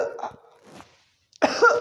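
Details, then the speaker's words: An adult imitates a cough accompanied by pain somewhere in the body, such as the shoulder, with each cough; painful cough. "इस तरह की खांसी में खांसी के साथ में बॉडी में कहीं भी पेन होगा, जैसे खांसी आएगी कंधे में दर्द ऐसे।"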